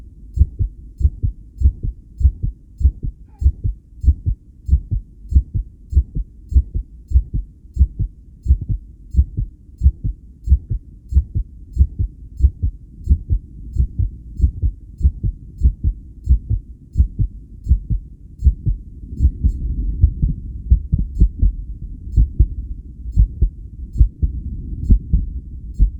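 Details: Own heartbeat recorded with a self-made electric stethoscope while connected to a 10-lead suction-electrode ECG after regulated breathing; strong, fast beats about 94 a minute with uneven spacing from extra early beats; tachycardia with extrasystoles.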